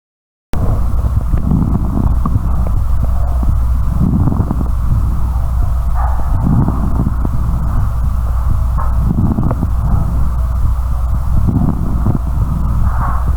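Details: Breath-sound teaching sample from an EMT skill-up quiz, answer set by respiratory specialists as coarse crackles (水泡音): loud low bubbling, popping crackles recurring with each breath over a steady hum.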